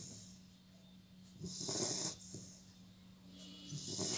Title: Labrador puppy - Buddy Snoring